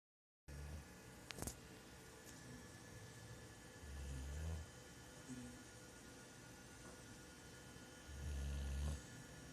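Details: Dog snoring: loud snoring sounds during sleep.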